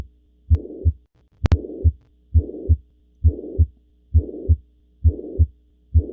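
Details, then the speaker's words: Mitral regurgitation heard at the mitral area with the patient in left lateral decubitus (Pachón position): regular heartbeat near 67 per minute with a harsh holosystolic murmur filling the gap between S1 and S2. "Bueno sí sí es es un sistólico si lo escucharon sí okay va otra vez escúchenlo otra vez"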